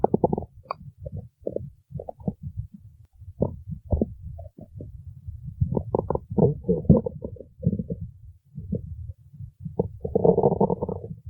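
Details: Stomach growling: gurgling, bubbling rumbles and squeaks rising and falling in bursts.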